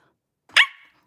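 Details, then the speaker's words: Adult woman with Tourette syndrome during a livestream: a single sudden, sharp, bark-like yelp, an involuntary vocal tic she cannot control. "May I ask why you keep making that noise? Um, so I have Tourette's syndrome and I can't control it. It is a vocal tick."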